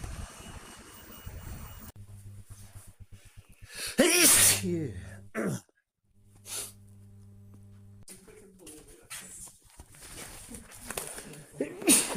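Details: Adult male's natural random sneezes, not ill and outside allergy season, recorded on a watch: several loud single sneezes, each with a quick intake of breath and a forceful burst, over background hum.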